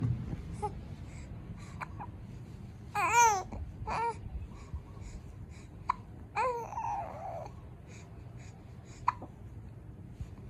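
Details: Newborn baby with hiccups: four or five brief, sharp hiccup clicks at irregular intervals with a couple of soft coos in a quiet room.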